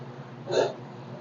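A single short, sharp voiced catch in the throat over a faint hum, like one hiccup.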